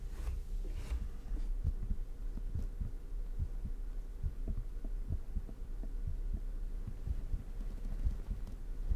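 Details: Fast, fairly steady heartbeat, own heart recorded close up for a no-talking ASMR piece at 100% sensitivity: soft low thumps at a quick pace under a low hum, with shirt noise possible.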